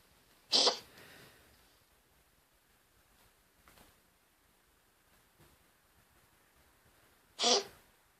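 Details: Cat coughing, owner unsure whether it has respiratory issues: two brief, sharp, explosive expulsions of air several seconds apart, in a quiet room.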